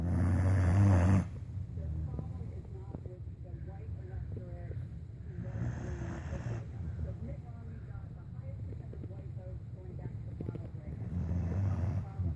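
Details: Dog (Jake) asleep on a bed with eyes open, snoring: deep, rumbling snores with low vibrating breaths, some louder than others, over steady background noise.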